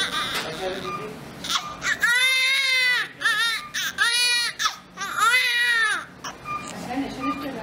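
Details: Newborn baby girl's first cry in the hospital minutes after birth: three strong, rhythmic cries with brief breaths between, over room noise and nearby voices.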